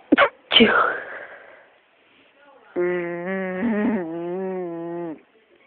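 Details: Deliberately induced sneeze using a humming trick: a quick catch of breath, then a sharp explosive sneeze, followed by a drawn-out voiced sound.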